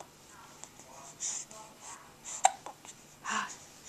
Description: He's trying to say hi to grandmom and grandpop, but all that comes out are hiccups. And drool.